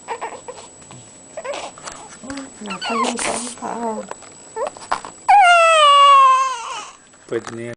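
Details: Infant cry of a baby in hospital during burping: soft adult talk and fussing, then a loud, sustained, high-pitched cry that falls away at the end.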